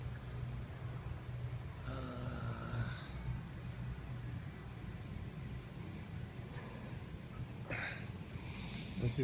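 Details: Low, rumbling snoring from a sleeping adult man at his bachelor party, with brief voices and room noise in the background.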